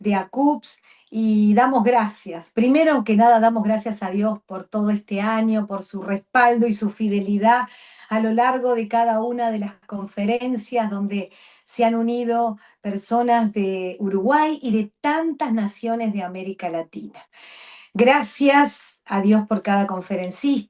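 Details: Adult woman speaking Spanish; fluent speech.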